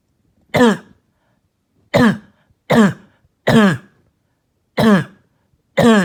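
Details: Child coughing all night with a harsh, hacking cough, heard here as six short, harsh, voiced honking coughs in quick uneven succession; barking cough.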